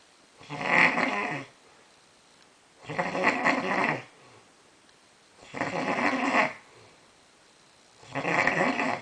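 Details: Man snoring very loudly: rough, rattling snores about every 2.5 seconds, roughly 24 a minute, with quiet gaps between; ordinary heavy snoring.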